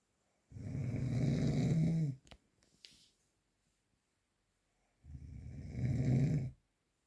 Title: The sound of - snoring during sleep